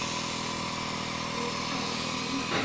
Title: The Nebulizer Boy